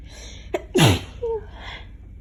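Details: Summer cold sneeze in someone who also has allergies: a quick inward breath, then one loud explosive sneeze and a short vocal sound afterward.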